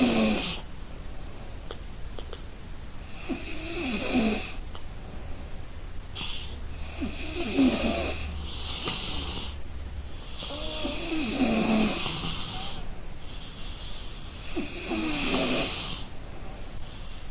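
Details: Person sleeping from exhaustion: loud rattling snores on each in-breath, about four in 17 seconds, separated by quieter out-breaths; ordinary sleep snoring.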